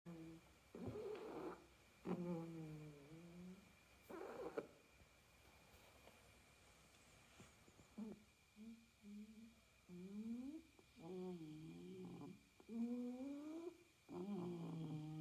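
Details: Soft, irregular snoring from a sleeping cat, each breath a low rattling tone, against faint room noise: snoring.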